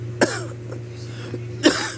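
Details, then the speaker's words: Two harsh coughs about a second and a half apart over a steady low hum, from an adult sick for two weeks whose cough lingers, worse at night, after hoarseness, runny nose and fever resolved; persistent cough. "tapi yang masih tersisa sampai saat ini adalah penyakit batuk yang sangat menjengkelkan batuk ini dia selalu kumat ketika malam hari ketika waktu tidur dan ini sangat mengganggu saya"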